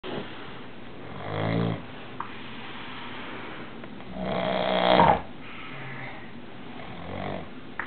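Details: Loud, irregular snoring from a person asleep in a shared hotel room, so loud a roommate moved to sleep in the bathtub; buzzing and harsh rattling snores a few seconds apart with quieter breaths between.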